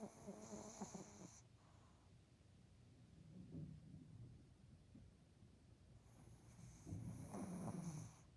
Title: SNORING DOG 🐶 || KIKAY NA TAMBAY 『 いびきをかく犬 』